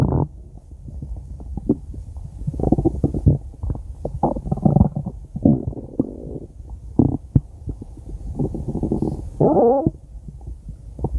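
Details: Five-minute recording of stomach growling (borborygmi): irregular low gurgles and rumbles with short squeaky runs, from gas and fluid moving through the gut.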